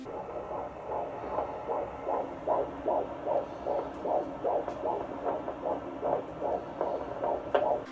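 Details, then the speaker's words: Fetal heartbeat at 13–14 weeks of pregnancy on Doppler at the second prenatal appointment: rapid, regular, strong whooshing beats at 152 beats per minute, recorded on a phone. "we actually got to hear the baby's heartbeat which was so cool I will put we actually recorded it I got my husband to record it on my phone so I will insert a clip of that here"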